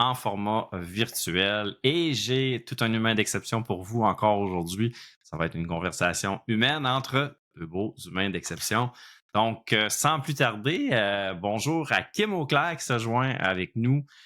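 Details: Adult male podcast host; typical speech.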